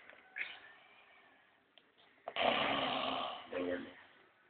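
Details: A man snoring in a quiet room: loud, rough, rattling breaths, one long noisy snore with shorter ones around it; drunken snoring is mentioned.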